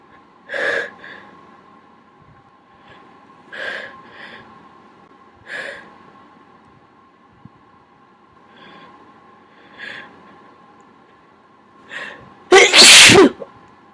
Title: even more holdback sneezes